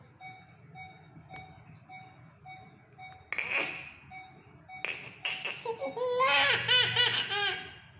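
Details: Two-month-old baby with high-grade fever gives a rising, wailing cry with short sobbing breaths, beginning after steady electronic beeping: infant crying.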